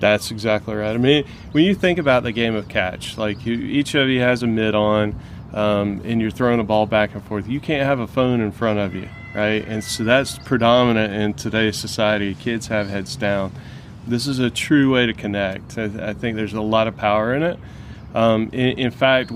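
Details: Adult man speaking; normal conversational speech.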